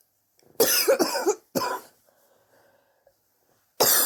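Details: Two harsh coughing bouts, the first with several rapid bursts, separated by quiet, from someone coughing for weeks and sore from it; chest X-ray pending to check for pneumonia; suspected bronchitis.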